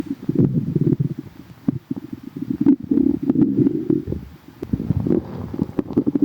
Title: tummy hurts | stomach growling